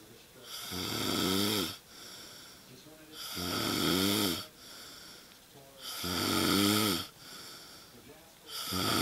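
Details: Asleep on a couch at 2am: loud, rattling snores on each breath in, quieter breaths out, about three cycles in nine seconds; ordinary snoring.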